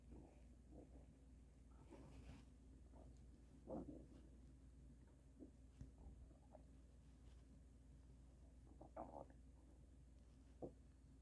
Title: extreme stomach noises - THUNDER Stomach